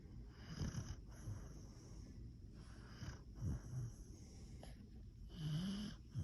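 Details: Beagle snoring while asleep pressed up against his owner: quiet, rough nasal snores and soft snorting breaths over a faint background hiss; light snoring.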